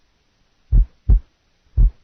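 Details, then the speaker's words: Simulated pericardial friction rub, heart rate 60 per minute, with only the systolic component of the rub added to the heart sounds; nursing heart-sound assessment teaching recording. "to a heart beating 60 times per minute then only the systolic component of the rub will be added"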